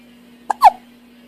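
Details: Six-week-old infant with hiccups: a single sharp hiccup, a quick catch followed by a short squeaky voiced sound.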